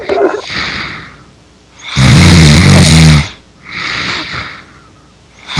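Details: Snoring during a Skype voice call in an online game, reportedly from a friend who fell asleep, though it may be a game sound effect: a loud, rough, rumbling in-breath snore with quieter breaths between.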